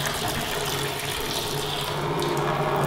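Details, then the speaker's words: Steady forceful rush of saline pouring like an open tap through a large bore IV line under 300 mmHg from a Ranger rapid infuser during a 1-litre flow-rate test. "like a d that's really pouring out though"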